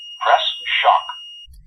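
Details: Zoll R Series defibrillator in AED mode on a hospital crash cart, BLS training demonstration: a short spoken machine prompt over a steady tone after charging for a shockable rhythm, prompting the operator to press the illuminated shock button.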